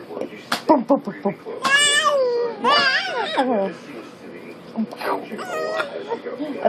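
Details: 3-month-old boy vocalizing with his mother: brief high, wavering cries and fussy vocal sounds over quiet room noise; ordinary infant cry.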